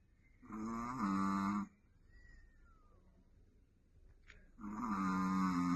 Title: Bear-level snoring from baby Richie#Chihuahuarichi #Snoring Dog #Cute pet #Doggy Style